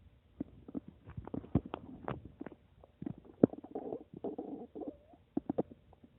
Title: My Stomach making noise 8